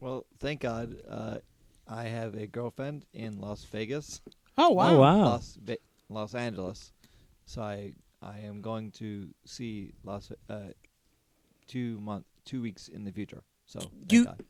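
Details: Aphasia in an adult man after a stroke during surgery about eight and a half years earlier; could say only one word for about a year afterwards; ongoing speech therapy; word-finding difficulty.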